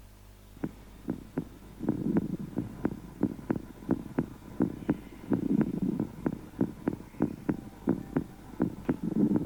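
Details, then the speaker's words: Heart and lung sounds recorded through a homemade digital stethoscope after a band-pass filter circuit that reduces noise: sharp, regular heartbeat thumps over a low breathy lung rumble. "this recording is an output from the filter circuit that show that the noise has been reduced and only allow the heartbeat and lungs sound"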